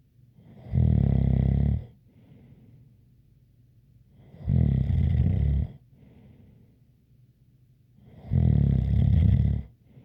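Loud, deep rattling snores on each breath in, roughly 16 a minute, with a faint whistle between them.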